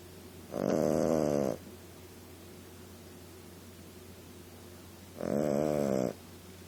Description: My Boston Terrier puppy Fenway Punky Monkey Brewster, doing what she does best: snoring!